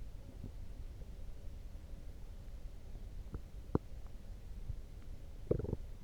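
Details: Loud stomach growling after drinking coffee: low gurgling rumble with a few sharp pops and squeaks; harmless borborygmi from gut movement.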